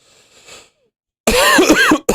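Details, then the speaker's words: Adult's single harsh, whistling, voiced wheezy cough after brief quiet room noise; the cougher jokes it is from eating lots of cheese. "Did you hear me just wheeze cough like someone who ate a lot of cheese? You can even hear it in the way I just coughed."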